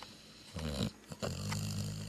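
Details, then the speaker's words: A sleeping Labrador dog snoring: low, rumbling snores with a short break and a brief snort between them. "hey can you please quit snoring i would like to get some rest around here"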